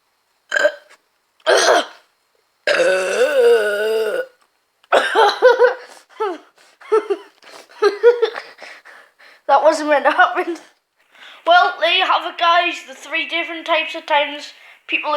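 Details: A long, deep voiced belch among short bursts of speech and gulping sounds while drinking; ordinary burping.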